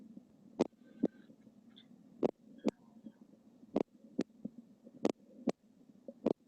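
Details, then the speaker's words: Stethoscope auscultation of a horse with atrial fibrillation: unevenly spaced heart sounds, with pauses followed by early beats, an irregularly irregular rhythm. "que sabéis oído escuchado que es un ritmo irregularmente irregular que hay momentos en los que se parece que hay una pausa y luego que se adelanta"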